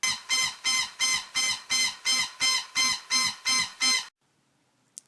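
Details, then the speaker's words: Pronox 50% oxygen/50% nitrous oxide demand-valve delivery system: its oxygen low-pressure alarm sounds as a fast, regular high-pitched pulsed tone at about 180 cycles per minute, then silence. The alarm is oxygen-powered and cannot be silenced by the on/off knob. "the nitrous oxide low pressure alarm cycles at 40 cycles per minute [Music] the oxygen low pressure alarm cycles at 180 cycles per"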